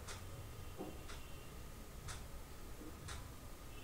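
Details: Simulated heart sounds for a phonocardiogram lecture: regular, crisp clicking valve opening and closing beats about 60 a minute, with low background hum; normal heart sounds.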